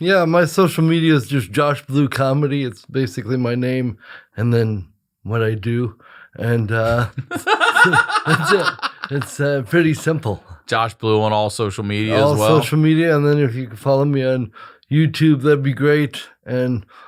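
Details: Dysarthria in an adult male with congenital cerebral palsy, attributed to brain injury or lack of oxygen at birth after an emergency C-section.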